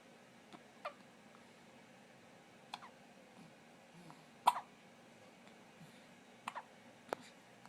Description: 30 seconds of baby Hiccups to make your day!